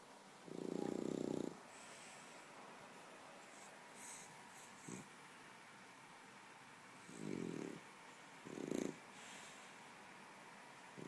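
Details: French bulldog snoring himself to sleep: three noisy, rattling breath sounds spaced a few seconds apart against quiet room noise, snoring.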